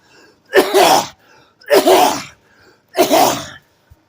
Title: cough cough